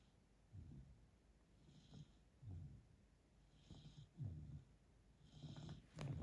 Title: Black Lab Snoring in Crate